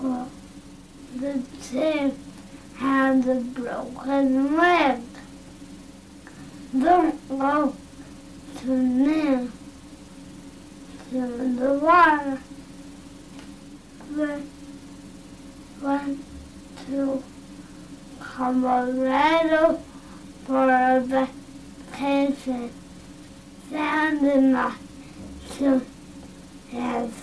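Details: Dysarthria in a boy, a motor speech disorder from weakness of face, tongue, lip or jaw muscles, with spasticity; decreased breathing support, sound distortions, strained voice, slow rate; comprehension and intelligence good.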